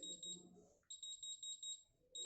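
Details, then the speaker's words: Terumo Terumax Rx pump in PCA mode, demonstration: repeated short high-pitched beeps in quick runs as the demand button is pressed during the one-minute lockout interval; no dose infused, alert beep only. "till one minute patient even patient process now the dose will not be infused but the beep sound for alert will become"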